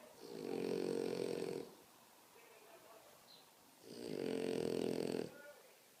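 Two long, loud, rattling snores about two seconds apart with quiet breathing between, typical heavy snoring.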